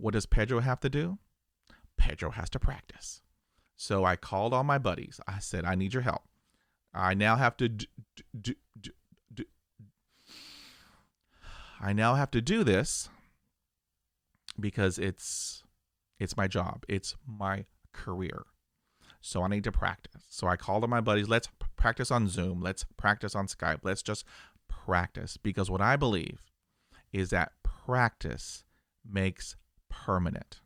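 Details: Adult male, aged 50, real stuttering for 45 years, with 20 years of speech therapy; he describes blocks with eyes closing and arm movements while pushing through them. Finding: stuttering.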